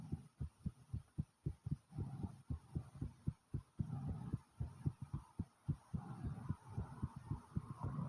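Strong, rapid, regular low thumps at about 110 beats a minute with a faint rumble between beats: a fast, pounding heartbeat after exertion.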